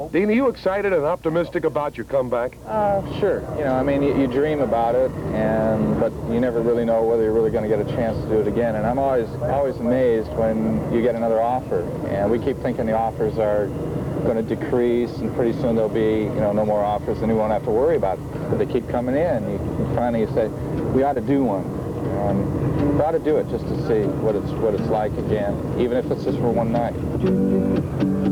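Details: Adult men, interviewer and interviewee; normal speech.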